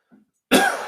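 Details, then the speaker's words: Adult man getting over a cold, coughing while podcasting: a short intake of breath, then a single harsh, forceful cough burst that fades slowly. "I like again I apologize for these coughs"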